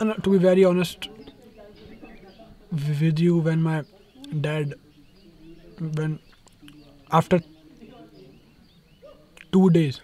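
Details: Young male rapper who says he stammers when he talks, worse when speaking Hindi; word repetitions heard; stuttering.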